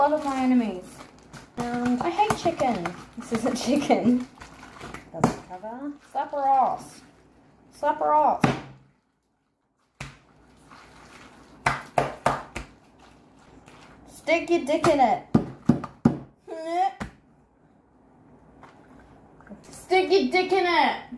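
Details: Adult speaker; Vocal tics with coprolalia (Tourette syndrome).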